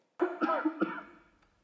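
A boy's short run of about four quick, voiced coughs, from a child without COVID.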